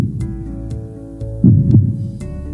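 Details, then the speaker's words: A few dull low thumps through a stethoscope over a hum, as nurses demonstrate manual blood pressure measurement, with the cuff inflated to 160 and slowly released: Korotkoff sounds marking systolic and diastolic pressure. "y cuando se comienza a escuchar va a ser nuestra primera fila que sería las historia después la diastólica y es cuando se va a dejar de escuchar"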